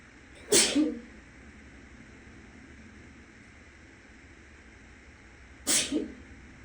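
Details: Two loud, sharp sneezes a few seconds apart from a person who is still a little sick, induced with clothing tags in the nostrils, in an echoing bathroom with a steady fan hum from the next room.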